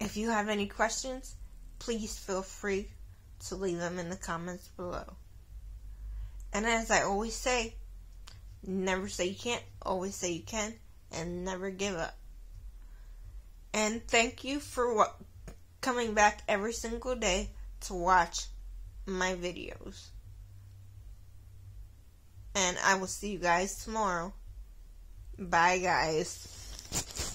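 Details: Adult woman with cerebral palsy who says it is why she sounds the way she does; dysarthria due to cerebral palsy.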